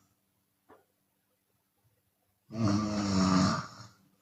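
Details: Chinese woman snoring with open mouth, sometimes on the exhale: a faint breath after a quiet gap, then a single loud, rough snore lasting about 1.5 seconds; open-mouth snoring.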